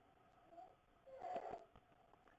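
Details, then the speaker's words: Sleeping child with croup: quiet, harsh, high-pitched whistling on laboured breaths, inspiratory stridor, with visible belly breathing showing how hard the child is working to breathe. "so this is inspiratory Strider so this is a kid with croo who's sleeping and you can hear the difference that Strider"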